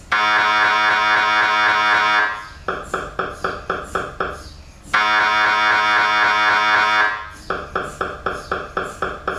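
Loud sustained electronic buzzing alternating with rapid rhythmic knocking, about four per second, typical of an MRI scanner running.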